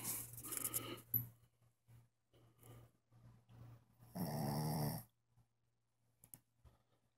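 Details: Sleeping pet dog snoring loudly enough that the owner woke her; soft, low rumbling snores in a quiet room, one longer snore midway.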